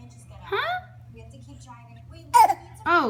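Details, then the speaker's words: A young child deliberately fakes about three short, voiced coughs with quiet pauses between them: voluntary cough. "oh my goodness oh oh my gosh oh my gosh you got a little cough huh oh my gosh what what is that cough"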